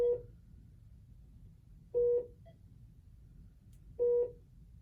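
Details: Trainee practising admitting a patient to a Philips bedside monitor, typing a name and placeholder MRN: three short clear touchscreen key-press beeps about two seconds apart over quiet room noise.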